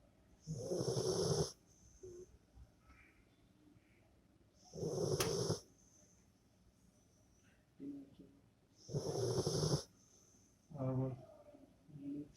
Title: Rottweiler snoring loudly 😍